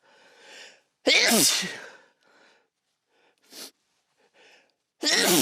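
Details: Quiet breathy build-up, then two loud, explosive sneezes recorded in a sound-treated room, after nasal tickling when sniffing and a burning felt at the roof of the mouth; ordinary sneezing.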